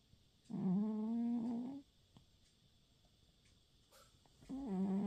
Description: Oscar the cat asleep on my lap on the couch, snoring and dreaming